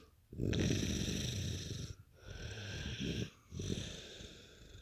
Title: Best snoring you ever heard!